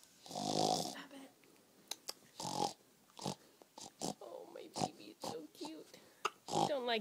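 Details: Two-week-old baby girl snoring while asleep: repeated short snorting, grunting breaths with snuffly noisy breathing between them.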